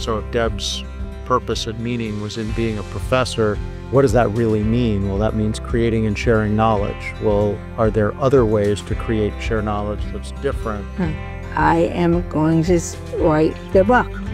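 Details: Adult narrator; Normal fluent speech.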